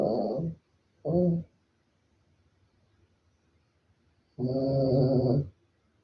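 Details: A small Maltese dog gives three loud, buzzing snores with long quiet gaps between them; snoring.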